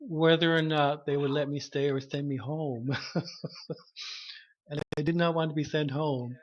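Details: Cluttering in a 33-year-old woman, a speech-language pathologist identified as a person who clutters at age 25; bilingual French/English.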